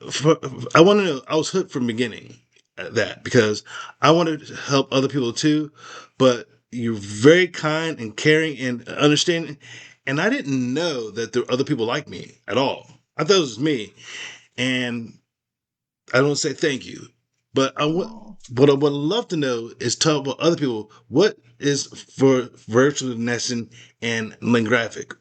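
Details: Post-stroke aphasia in an adult man, recorded in a real, unscripted conversation; aphasia.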